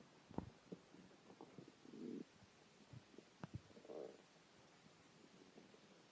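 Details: Hungry male who had not eaten for 6 hours: gurgling squeaks and short rumbling groans from the belly over a quiet hiss; ordinary hunger growling of the stomach (borborygmi).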